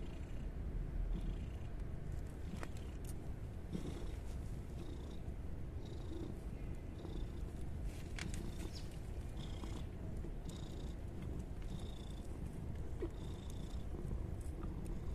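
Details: Mother cat that just gave birth to five kittens, purring while nursing them and kneading: continuous low, steady rumbling purr, a contented purr rather than true snoring.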